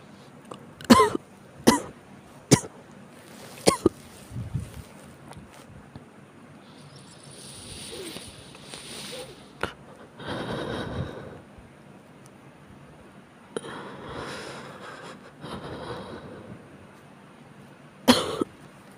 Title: 悪寒と咳 chills and cough